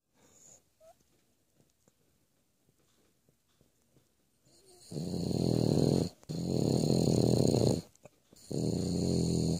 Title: French Bulldog Snoring.